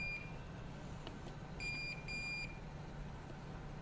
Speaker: okay now it's starting to alarm because i'm maxing out on my on your rpms right so let's go ahead and silence the alarm